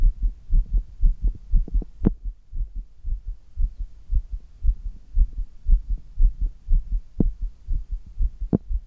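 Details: Heart sounds of an adult man while doing handstand push-ups (inverted, hard exertion): strong, fast, regular low thumping heartbeat with a few sharp handling clicks, a normal forceful heartbeat from effort.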